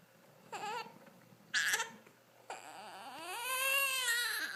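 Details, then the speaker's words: Infant's short fussy whimpers building into a sustained rising cry; ordinary crying, in a baby who often has hiccups. "no reason to cry, baby. Let's hear it. You always have the hiccups, huh?"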